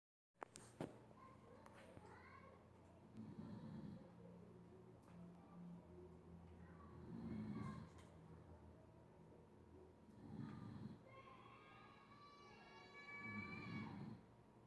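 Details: Slow, rhythmic, rattling snores, about four in 14 seconds, over a steady room hum and faint tonal background noise; snoring.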